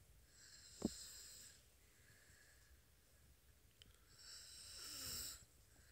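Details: Soft, slow snoring from a sleeping four-year-old boy, with quiet breaths between snores; ordinary light snoring.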